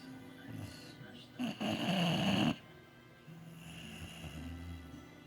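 One loud, harsh snore over a background of music and faint voices; snoring during sleep.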